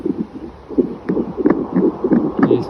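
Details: Handheld fetal Doppler shown in a device demonstration with its probe placed over the heart: rhythmic whooshing pulses, the pulsing heartbeat signal of blood flow.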